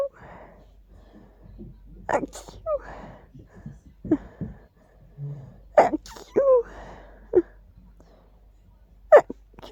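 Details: Sneezes put down to dust: several short, sharp bursts with brief vocal sounds between them in a quiet room, a run of small sneezes; sneezing.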